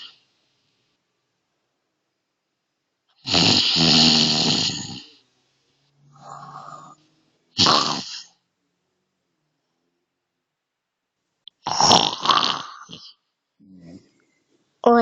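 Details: Snoring in the night from the grandmother, loud rough rattling snores on each inhalation a few seconds apart with quieter snorts between, in a silent room.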